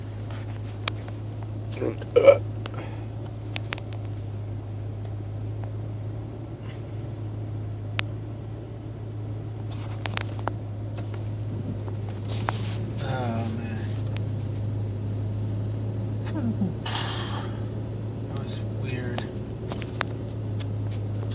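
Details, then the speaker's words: Hiccups recorded on a cell phone while sitting in a truck after work: brief sharp gulping clicks at irregular intervals over a steady engine hum, with faint voiced catches; louder with the mouth open. "Actually, sitting in my truck and got a case of the hiccups."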